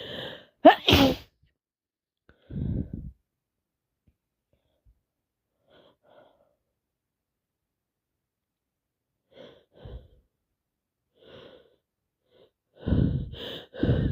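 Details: Person sneezing, sniffing and blowing all night, unable to stop: several sharp sneeze bursts separated by quiet stretches with faint sniffs and breaths; repeated sneezing.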